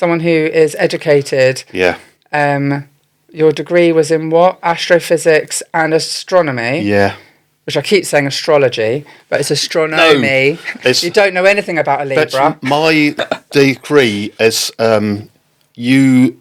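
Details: Two adults talking; conversational speech.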